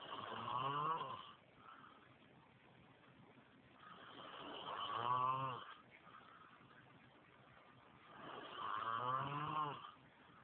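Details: Man asleep on a couch snoring: loud vibrating snores on each breath in, about four seconds apart, roughly 14 breaths a minute; snoring.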